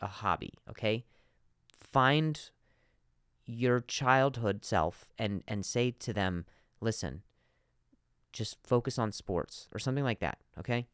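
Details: Adult man, real stuttering in spontaneous speech, repeating a word many times.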